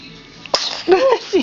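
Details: One sharp, explosive sneeze from a baby girl, followed by a short whimper; she had hiccups and seemed tired; sneezing.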